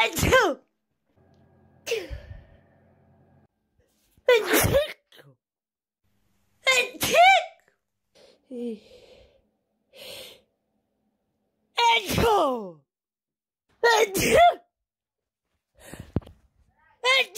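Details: Copyright-free sneezing sound effects: a series of about six loud, sudden sneezes, each with a sharp burst and a falling vocal tail.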